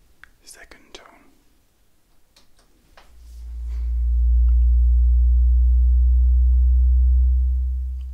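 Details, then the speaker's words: Soft whispering and faint taps, then a steady low pure tone rising and holding for several seconds: the first acted hearing test tone through headphones, the listener asked to say when it is no longer heard. "Okay, first tone. And just let me know when you no longer hear the sound."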